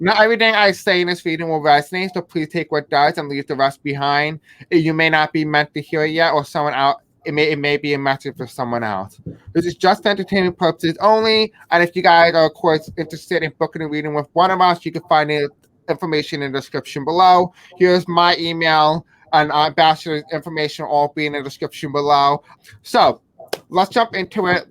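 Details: Self-described deaf accent; the speaker says they may have difficulty pronouncing certain words. Deaf speech.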